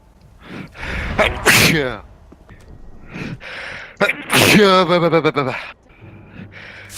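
Two forceful voiced sneezes from an adult, each a sharp burst with a drawn-out vocal 'choo'.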